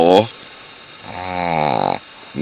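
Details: Sleeping female Shih Tzu snoring: a loud, rattling, buzzing snore on the in-breath.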